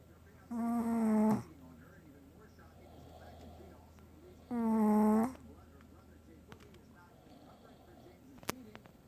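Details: Adult man (daddy) and a dog sleeping and snoring together: two loud, buzzing, tonal snores about four seconds apart, with softer breathing noise between them; snoring.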